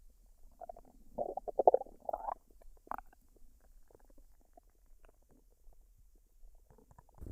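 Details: Woman digesting a dinner of fried rice and duck, unedited with no artificial sounds or talking: irregular gurgling and rumbling abdominal noises in a quiet room. Normal bowel sounds (borborygmi).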